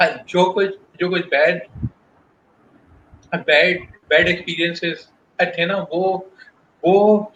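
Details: Adult male professional who stutters, a guest in a stuttering-awareness talk; audible word repetitions; stuttering.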